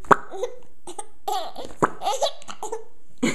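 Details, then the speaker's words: Hiccups while laughing: bouts of giggling broken by about three abrupt, sharp hiccup catches in the breath. "got the hiccups and laughing."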